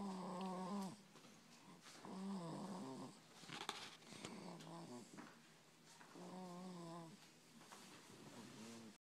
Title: Baby snore